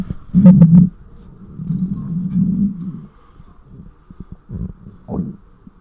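Loud, low, drawn-out rumbles and gurgles with short pops; hunger stomach growling, a normal bowel sound.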